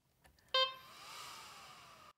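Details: A brief loud beep followed by a rising, fading whir as a corpuls cpr mechanical chest compression device is switched on.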